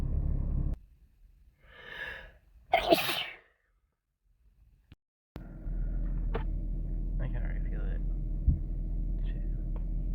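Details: Sneeze while sick with a cold, possibly induced: a drawn-in breath followed by one forceful sneeze, with steady background noise before and after.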